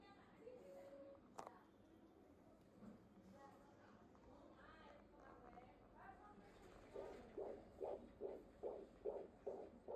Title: Fetal Heart Rate in Ultrasound of a 32weeks pregnant lady #fetalheartsounds